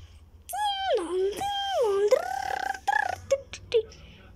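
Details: Loud drawn-out wails rising and falling, then broken sobbing catches, from a young girl crying in a small room while an adult offers to put on cartoons.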